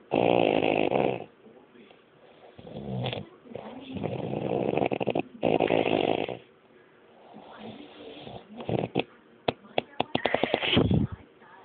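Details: Adult man snoring in his sleep at night, recorded by his partner: loud, rough snores in long rattling bursts, some ending in rapid fluttering. Snoring.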